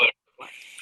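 A brief sound, a pause, then a harsh high-pitched squeaky noise on breathing in: inspiratory stridor from laryngomalacia.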